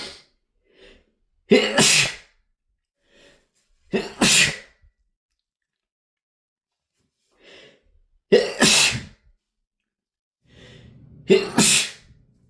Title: loud rapid sneezing (m)